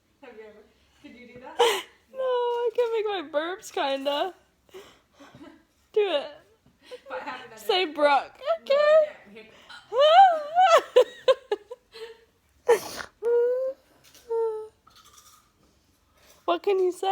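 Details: Mother with hiccups: short, abrupt voiced catches breaking into laughter and talk, several times in under twenty seconds.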